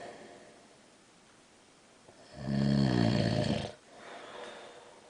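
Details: A man (husband) snoring at night in the dark: one loud buzzing snore over a second long on the in-breath, quieter breath out after, in a quiet room; snoring.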